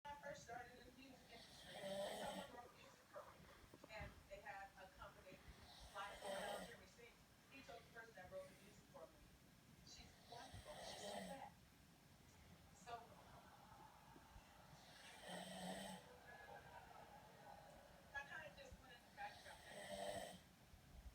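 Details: Snoring: irregular rough snoring breaths roughly 14 a minute over quiet background talk or television.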